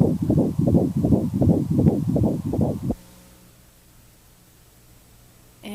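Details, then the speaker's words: Normal fetal heart rate on Doppler during a dating ultrasound, rapid regular whooshing beats at 160 per minute, within the stated healthy range of 120–180. "she said the the average the the healthy range is between 120 and 180 beats per minute and baby's at 160 so it's totally normal"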